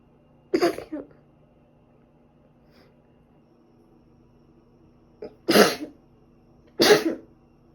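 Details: Sneezing recorded over two days, probably from dust allergy, also during a recent cold with ongoing cough and runny nose: three abrupt, explosive sneezes, the first with a short follow-on burst, separated by quiet pauses.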